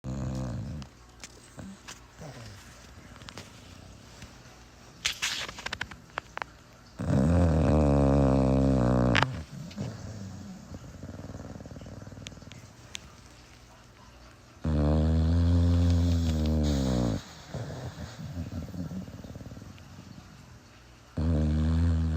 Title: My bulldog’s pig snores 🐽 #bulldogs #cutedogs #dogshorts